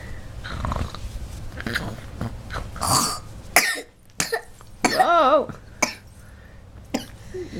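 A few short, sharp cough-like bursts with some throat-clearing sounds against room noise; a plain cough.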